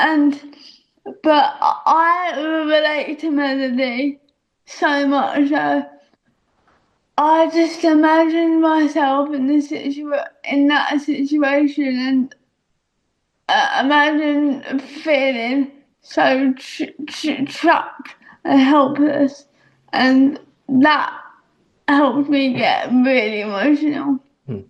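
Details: Adult woman speaking; dysarthric speech in cerebral palsy.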